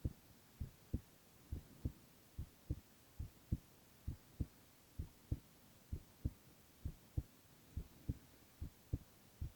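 Steady paired lub-dub heartbeats, about 68 per minute, clear and regular over a quiet background; ordinary heart sounds.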